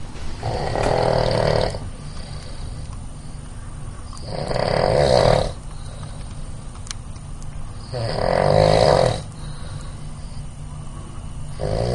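Loud, rough snores about every four seconds, roughly 15 breaths a minute, each a long rattling inward breath.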